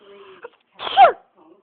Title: Socks Are Sneezing